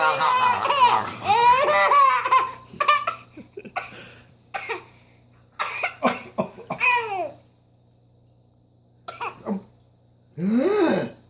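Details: An infant boy with a pacifier laughs and squeals during play before bedtime, with several short, sharp cough-like bursts between the laughs; infant cough.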